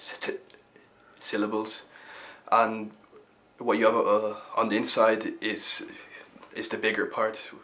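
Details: Stuttering (stammering) in a young member of the Irish Stammering Association youth theatre, who says he stammers a bit less now than 10 years ago; repetitions heard.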